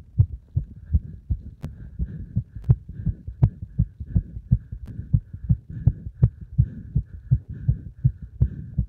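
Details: Heart sounds recorded after a combined beep test and squats: fast, regular, strong low thumps at about 160 beats a minute with a faint steady hum behind, tachycardia after exercise.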